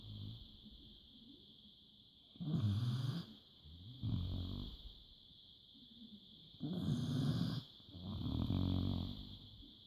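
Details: Sleeping dog snores in rough, rattling bursts on each breath in and out, about 15 breaths a minute.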